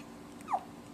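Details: 4-day-old newborn boy, who also hiccupped in the womb: one brief, soft, high squeak-like catch over quiet room noise; a single newborn hiccup.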